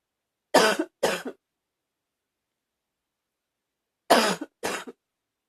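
Four short, harsh coughs in two pairs with a mildly barking, seal-like quality, against a silent background.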